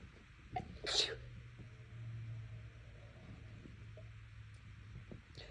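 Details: Nose bothering them recently, sneezes bigger and louder than normal, cause unknown: one loud, forceful sneeze with a sharp hissing burst, followed by quiet breathing and faint room hum.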